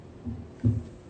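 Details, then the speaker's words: Two low thumps, the first and second heart sounds, from the Harvey cardiology simulator heart over the pulmonic area; essentially a normal heart, normal heart sounds. "So right now you're listening to essentially a normal heart. It kind of sounds like that if you can hear it in the background."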